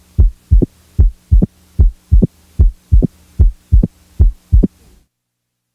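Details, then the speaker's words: A short, high-pitched early-diastolic snap 60–100 ms after S2, contrasted with a later, lower-pitched S3, in mitral stenosis. The snap is heard with the stethoscope diaphragm firmly pressed and the S3 with the bell lightly held; opening snap. "the opening snap is best heard with the diaphragm firmly pressed while the S3 is best heard with the Bell lightly held"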